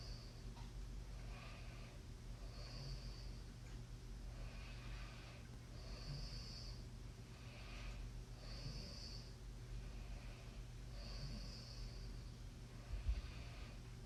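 Soft, regular snoring breaths about every two and a half seconds, roughly 24 a minute, over steady low hum; snoring during sleep.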